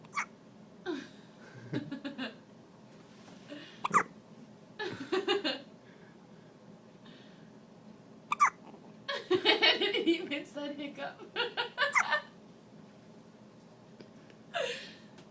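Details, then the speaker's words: Smiling baby with hiccups: short, abrupt catches in the infant's breathing every few seconds, with some laughing and babble in between. "Nice stop. Baby has the hiccups."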